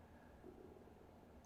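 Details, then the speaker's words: An adult's stomach growling during a live stream: a faint, low, gurgling rumble lasting about a second and a half. "that was my stomach growling. Did you hear that?"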